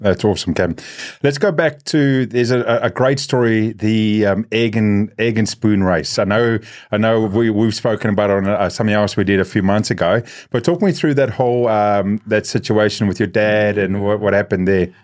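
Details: Adult male speaker, interviewer; normal conversational speech.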